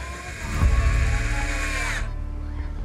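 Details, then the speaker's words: Surgical drill whining steadily about two seconds, then stopping, while placing fixation pins, one set low, in a stray puppy's previously broken, scarred leg. The pins are then mounted on a carbon-fiber bar so the realigned bone heals. "dr. Jeff has to drill a pin through peppermints leg to keep the pieces aligned so her bones can heal"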